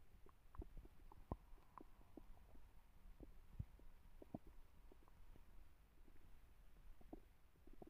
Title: stomach growling